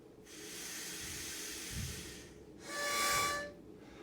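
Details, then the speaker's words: Training demonstration of an albuterol metered-dose inhaler with spacer: airy breath-like rush, then a faster inhalation making the spacer whistle, louder the faster the breath, signalling incorrect, too-fast inhaler technique. "if you heard a little sound right there or not less the faster they breathe in the louder that a harmonic sound is and that in a sense that is a no-no"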